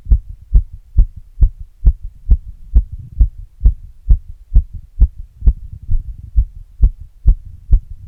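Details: Adult's own heart recorded after exercise with an earbud mic and a glass: fast, regular heartbeat about 133 beats a minute with a low background hum; normal heart sounds after exercise.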